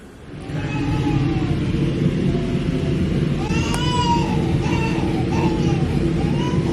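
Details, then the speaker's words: A 9-month-old baby crying alone in his room during sleep training after co-sleeping: distant, repeated wailing cries behind steady room noise while he is very tired but fights sleep, recorded from outside the room. "all right i'm going to try to bring the um camera by the room so that you guys can hear it too because my heart is breaking right"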